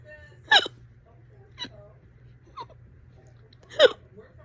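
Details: Fast, loud hiccups, on and off all day, current bout about 30 minutes: four sharp, abrupt vocal hiccups about one second apart.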